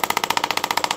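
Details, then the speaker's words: Radial shockwave device in a podiatry office, treating the Achilles area: rapid, even mechanical tapping at about 15 pulses a second. "I usually start out at about two that's two bars and at about 15 Hertz so 15 Herz is very fast two bars is very low and then I slowly increase it"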